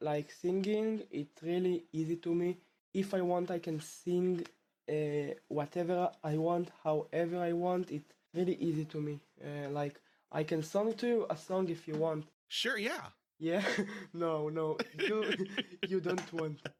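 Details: Male 12th-grade student who has stuttered since about age two, with the stutter returning after two years of fluency; stuttering.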